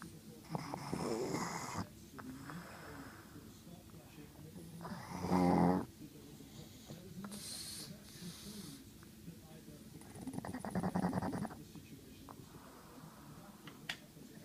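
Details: 13-year-old pug asleep, still sucking on things as it falls asleep: irregular snorting, rattling snores and wheezy breaths.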